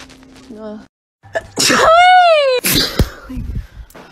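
A voiced, drawn-out sneeze with a rising-falling 'ah' before a sharp burst; a sneeze.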